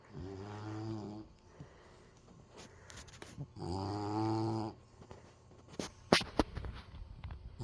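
Two drawn-out, rumbling vibrating breaths with quieter soft breathing and small rustles between them: snoring in a sleeping puppy.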